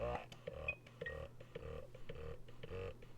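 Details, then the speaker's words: Medela Freestyle Flex double electric breast pump in expression mode, drawing out milk: soft rhythmic mechanical pulsing about two cycles per second over a low motor hum. "but if i hit this button that is expression mode and that is to draw the milk out and to help empty you"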